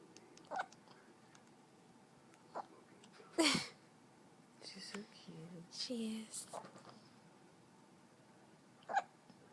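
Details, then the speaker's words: Newborn baby girl less than one day old, 7 lb 11 oz and 21 inches long, with several brief, sharp hiccups a few seconds apart and soft infant vocal sounds between. "oh those hiccups miserable thing baby I don't know how you get rid of baby hiccups"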